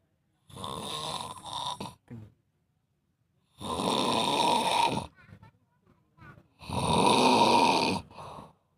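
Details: Very long snoring: loud rattling snores on each inhalation, about three in eight seconds, with quieter snorting sounds between them.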